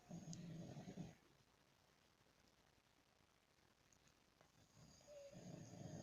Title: 1 minute of someone snoring*_*zzzzzzzzzz